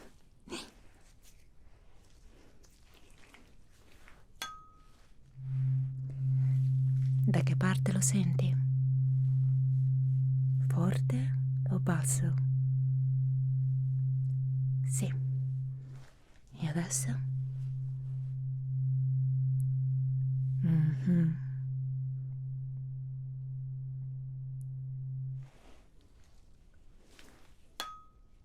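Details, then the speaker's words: Tuning fork struck and ringing with a steady low hum during a hearing test in a simulated nurse cranial nerve examination (acted ASMR roleplay); listener asked which side it is heard from and how loud. "この音が気になりませんか?私には少しわかりませんが、聴力をテストするのに非常によく使われるツールです。"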